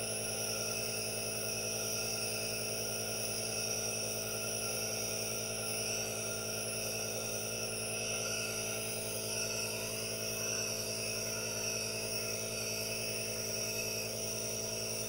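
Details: Aerosol nebulizer running during relaxation with hand movements and no talking: steady hissing hum with a constant motor drone and no speech.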